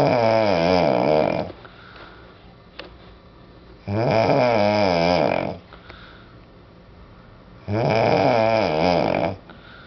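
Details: Adult snoring: loud, strongly tonal snores on each in-breath, about 15 a minute, with quiet out-breaths between.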